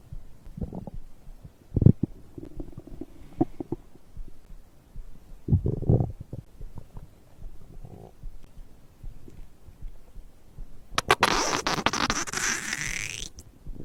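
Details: Stomach growling recorded after drinking a beverage: irregular low gurgles and rumbles, then a longer bubbling, squeaking gurgle near the end; ordinary digestive bowel sounds.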